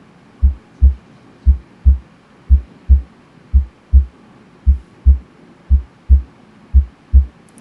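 Steady paired lub-dub thumps at about 57 beats a minute with clear quiet gaps between them: normal heart sounds.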